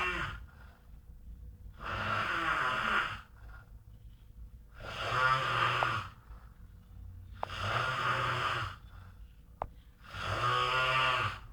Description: a giant man snoring during winter